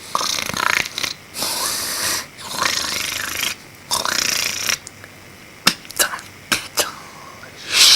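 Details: Snoring from a neighbour in the room below at night, keeping a student awake after midnight during exams.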